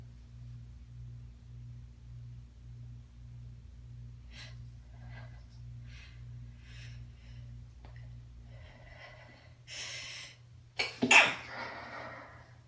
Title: Stifled sneeze variety - pinched, hands-free, failed, half-stifles